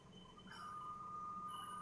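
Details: Newport e360T ventilator alarm: a steady, high electronic tone over faint room hiss, signalling a leak in the breathing circuit.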